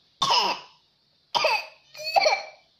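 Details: Young child playing, pretending to cough to ask for cough medicine: three short, voiced, deliberate coughs; pretend cough, not a real one.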